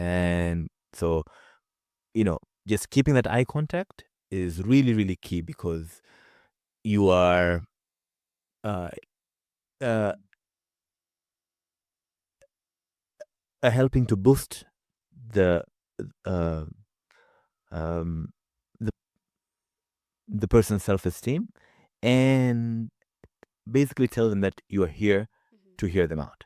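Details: Man with his own real, non-acted stutter, heard in a conversational stretch with repeated fillers and pauses; stuttering.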